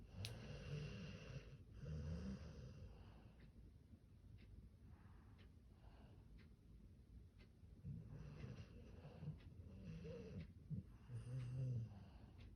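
Low, fluttering snores with snorting breaths from a sleeping dog in a quiet room.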